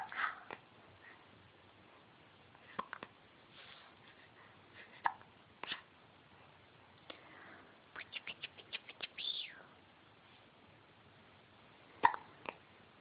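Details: Infant with hiccups: soft, brief, sharp catches of breath recurring at irregular intervals in a quiet room; hiccups.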